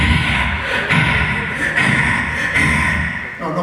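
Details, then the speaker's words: Voiced imitation of a pleural murmur, as heard in pleural effusion: a continuous breathy blowing sound with faint thumps; not a real patient recording. "Eso es un soplo pleural. Y es característico del paciente que acabo de dejar en mi hospital con oxígeno. Ya le hemos hecho una toracocentesis. Soplo pleural, diagnóstico de un derrame pleural."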